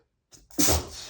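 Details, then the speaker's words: Man in a desperate sneezing fit announcing each sneeze: short in-breath, then a single loud, explosive, wet-sounding sneeze in a quiet room. "Sorry, just a quick warning. I think I'm going to sneeze. I think I'm going to sneeze. I'm sorry."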